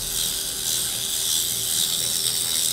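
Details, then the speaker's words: Arm liposuction under local anesthesia in an awake female patient who reports nothing sharp: steady high-pitched hiss and buzz of a vibrating power-assisted suction cannula running continuously, normal device operation. "do you feel anything like is it like a nice vibrating ride anything sharp no"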